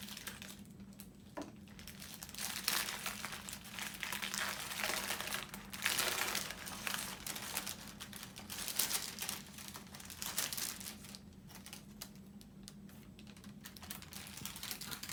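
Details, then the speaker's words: Crisp crinkling and rustling of paper packaging unwrapped in a small room as sterile dressings, including petroleum gauze, are opened for a chest tube dressing change in a nursing skills demonstration. "and then I would want to open up my sterile dressings just in case there might have been something on"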